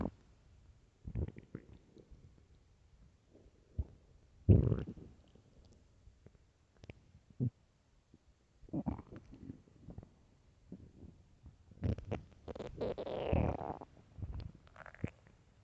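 Scattered gurgles and pops, then a longer rising growl near the end: stomach growling on an empty stomach.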